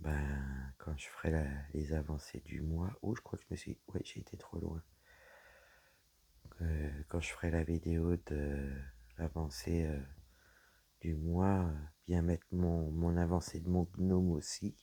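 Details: Woman with dysphonia after a serious health problem damaged her vocal cords; her voice is lower than before, at times weak, and she cannot speak loudly; low-pitched voice.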